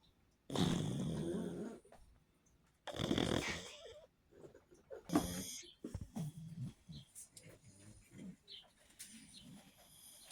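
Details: Loud, raspy snores with a wet snorting edge, then softer snuffling breaths, from a sleeping pug; snoring typical of a flat-faced dog.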